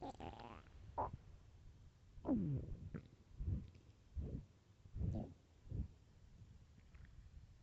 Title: famished starving stomach growls